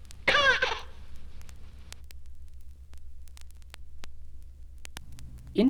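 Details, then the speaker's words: Infant with cystic fibrosis who cannot cry without coughing: a short, strained cry mixed with cough-like bursts, a quiet gap, then another brief cry over a low hum. "When it occurs early in infancy, the children often cannot cry without coughing."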